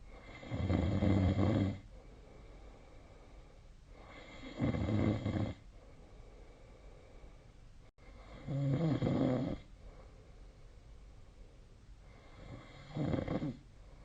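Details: Sleep snoring recorded with the SnoreLab app on 2025/01/31: low rattling snores on each breath in, four in fourteen seconds, about 17 breaths a minute, with quiet breathing out between; ordinary snoring.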